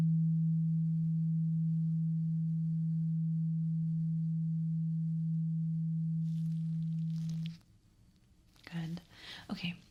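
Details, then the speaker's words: Steady low pure tuning fork tone for about seven seconds, then soft whispering, in an ASMR role-play ear exam. It is a hearing test with eyes closed for simulated clogged ears from wax build-up, before cleaning. "So, I am going to get a tuning fork and I need you to close your eyes and I want you to tell me when you hear the tuning fork sound."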